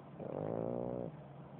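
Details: A single brief, low, buzzing snore lasting about a second over a steady hum; snoring.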